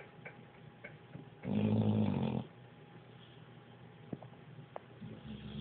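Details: Sleeping pitbull dog snoring very loudly: one loud, rumbling, vibrating snore, then quieter breathing and small room noises.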